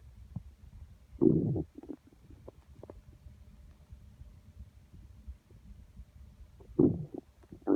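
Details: Constant stomach growling, rumbling felt through the belly by hand; borborygmi.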